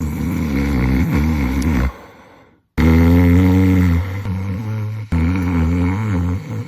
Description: Snoring usually starts because the nose is restricted. When the nose can’t pull in enough air, the mouth opens, the jaw drops, and the tongue follows. That’s when the airway starts vibrating.